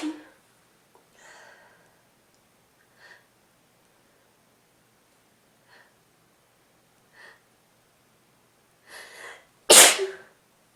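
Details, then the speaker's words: Adult with a head cold, runny, stuffy nose and red nostrils: several sniffs and small catching breaths build up to one loud, explosive sneeze. "Excuse me. I'm gonna sneeze again."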